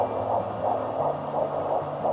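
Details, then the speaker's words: Rapid whooshing, pulsing fetal heartbeat through a Doppler at 170 beats per minute, found instantly at the mother's second prenatal appointment in her second pregnancy. "we heard the baby's heartbeat and it was such a beautiful beautiful sound that's you"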